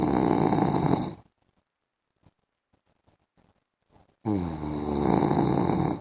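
Loud rattling snore on a breath, then a quiet pause of about three seconds, then another long harsh snore. This is heavy snoring during sleep.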